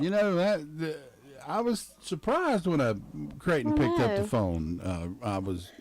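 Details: Adult man speaking; normal voice.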